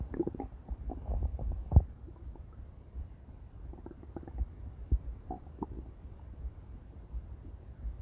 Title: intense stomach growls..